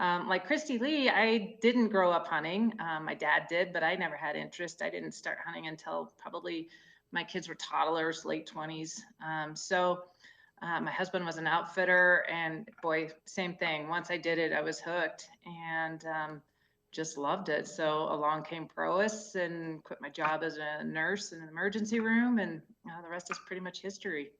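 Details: Adult woman speaking; normal speech.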